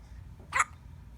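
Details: A single brief, abrupt hiccup over low room hum: hiccup.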